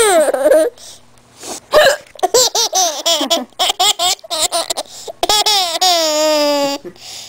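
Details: 10-month-old baby boy laughing heartily at his mother's hiccups; infant belly laughter broken by sharp, jerky catches of breath fitting hiccups.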